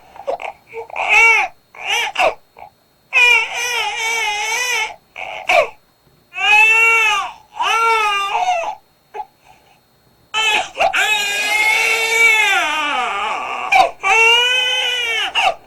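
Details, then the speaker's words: Sleepy, tired newborn crying in open-mouthed 'ah' bursts, the mouth opened wide as if yawning; the pattern varies slightly between babies, but the sounds are all close to 'ah'. "졸린 아기 들어봤습니다 이불 크게 벌리면서 소리는 아 하고냅니다 들어보면 소리가 다 똑같지는 않은데 약간씩 보면 패턴은 다르지만 입모양도 그렇고 소리들이 다 아예 가까운 소리들이 났어요"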